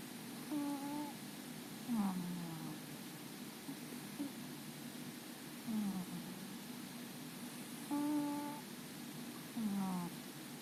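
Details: Sleeping cat snoring and twitching: soft, tonal, whistling snores, some steady and others falling in pitch.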